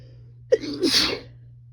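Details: 26-year-old woman sneezing in bed while high after smoking: a single sharp sneeze, quick intake then loud explosive burst under a second, in a quiet room.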